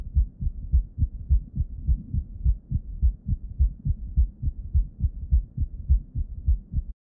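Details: Bell of stethoscope over the cardiac apex in a patient with heart failure with reduced ejection fraction (HFrEF): regular low heartbeats near 105 a minute, with a soft extra late-diastolic sound just before S1, an S4 gallop.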